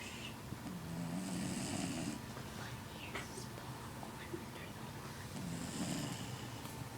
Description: this is Luck our Jack Russel Terrier snoring and also hugging on some yarn!